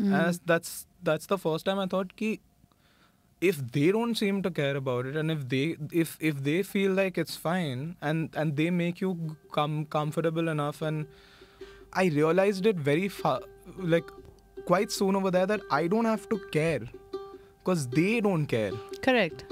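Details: Stuttering (stammering, described as neurological) in a 26-year-old man who has stammered for as long as he can remember; it occurs only some of the time and not when he sings.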